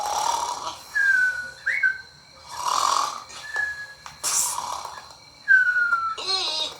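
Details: Cartoon snoring from the Piggy Tales character: rumbling breaths in, each followed by a high whistling breath out.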